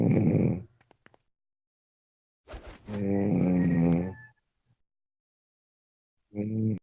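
Loud, rough, vibrating snores on the in-breaths with silent pauses between, about three snores in the stretch: snoring.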